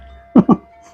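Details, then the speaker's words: Adult man coughing while eating very spicy bakso cuanki street food: two quick sharp throat-irritation coughs in a row, from the chili heat. "batuk mulu nih karena Emang pedasnya nampol asli"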